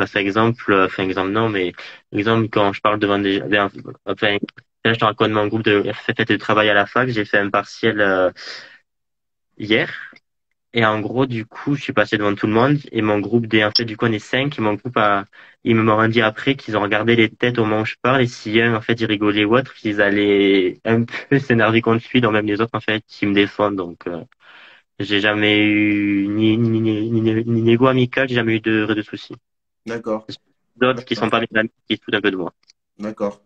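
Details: Adult male speaker; stuttering.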